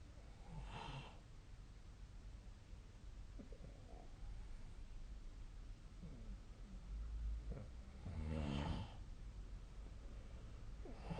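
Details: Sleep snoring, apparently recorded with the SnoreLab snoring app: soft snoring breaths with two fuller snores about eight seconds apart, over low room hum.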